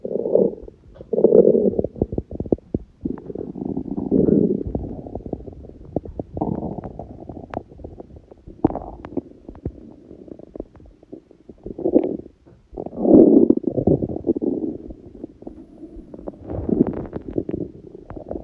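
Gurgling, rumbling stomach sounds coming in waves, with brief crackly pops; ordinary hunger growling.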